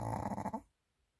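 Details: Rhythmic low rattling snorts from a heavily sleeping Pomeranian dog that loves lying this way to fall asleep, fading out after a moment; ordinary snoring.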